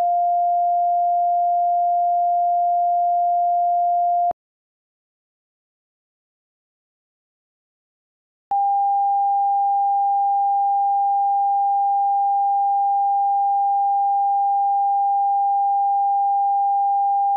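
A steady mid-pitched beep, a pause of silence, then a slightly higher steady beep: simulated pure tone hearing test tones in a roleplay.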